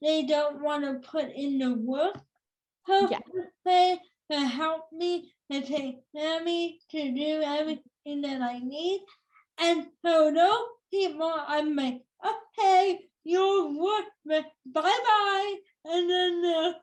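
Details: Female speaker with cerebral palsy since birth that has become tighter with age; she says listeners may need her to repeat or type; dysarthria (cerebral palsy).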